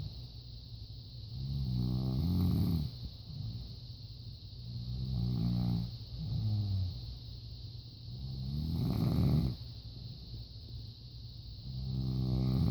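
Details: Adult woman snoring: deep, rumbling snores on each breath, about 17 a minute, over a steady fan-like hiss.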